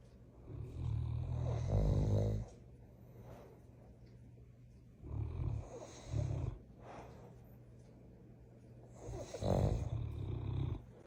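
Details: Two dogs snoring loudly: low rumbling snores with quieter breathing between them, in three bursts over about eleven seconds.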